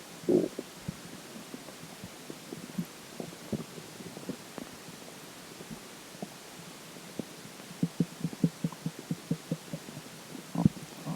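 Scattered soft gurgles and brief bubbling pops over quiet background; ordinary stomach and bowel gurgling.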